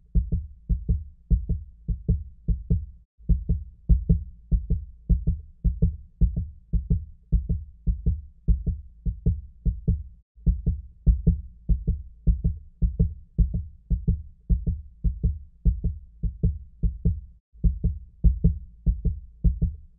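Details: Steady, regular human heartbeat with deep, soft lub-dub thumps; normal rhythm, recorded as a relaxation sound.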